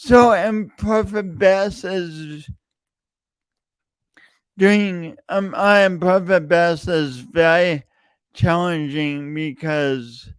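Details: Speech impediment in an adult male podcast host, longstanding for years, audible whenever he speaks; real speech with repeated words throughout.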